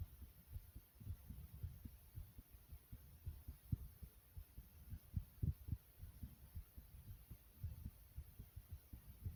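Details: Person's own heartbeat, described as fast yet soft: faint, soft low thumps under steady hiss at roughly 100 a minute.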